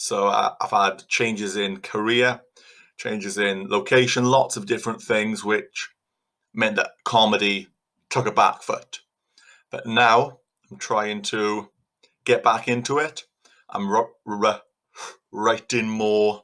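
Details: Stuttering in a Welsh adult male stand-up comedian who stutters and was called names at school because of it, with word repetitions heard; stuttering.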